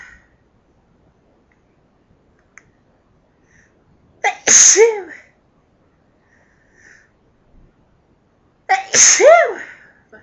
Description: Loud sneezes from me....... dust in my house got me sneezing like crazy